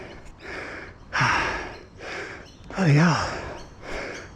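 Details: Exertional breathlessness during a full-suspension mountain bike ride up a steep, loose climb, weeks after COVID with severe post-COVID fatigue and reduced lung capacity: loud, rapid gasping breaths, about 36 a minute, with voiced groaning on inhalation.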